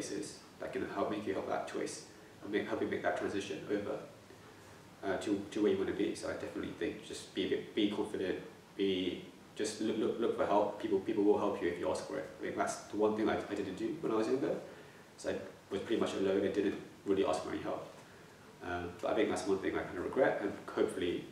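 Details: Stammering (stuttering) in a young adult man.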